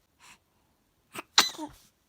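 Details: A short in-breath, then a sharp explosive sneeze with a brief voiced tail; a single sneeze.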